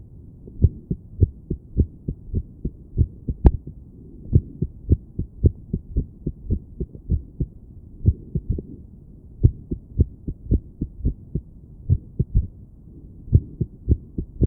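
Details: Woman listening to her own heart with a stethoscope while sitting on her bed, trying to breathe slowly and relax: low thumps with uneven spacing broken by pauses, an irregular heart rhythm.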